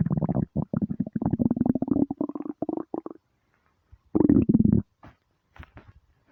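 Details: Starving stomach: long gurgling, bubbling rumbles in bursts with pauses; hunger borborygmi.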